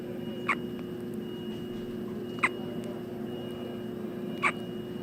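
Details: Seven-day-old newborn girl with hiccups: three soft, sharp hiccups about two seconds apart, roughly 30 a minute, over a steady background hum.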